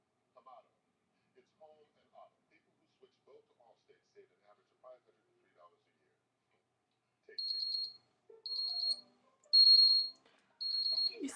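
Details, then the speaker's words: Handling noises, then four short high-pitched beeps from a digital thermometer finishing a reading on a sick person who woke feeling burning with a bad headache; temperature about 101.2–102. "I only slept for 3 hours and I like woke up every hour cuz I was like burning okay I'm going to take my temperature and"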